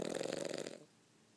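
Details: One brief, fluttering, rattly breath fading into quiet, consistent with a snore; snoring.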